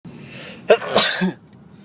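A single sharp sneeze with a quick breath in before the explosive burst, in a quiet room.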